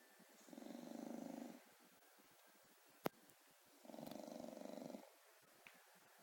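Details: Sleeping dog: two fluttering, rattling snores at about 18 breaths a minute, with a brief click between: snoring.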